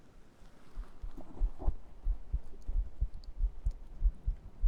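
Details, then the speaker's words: ASMR stream heartbeat segment: muffled paired normal heart thumps at about 95 a minute, with light rustling. "I think you love that one. do a bit more heartbeat and then do some brushing."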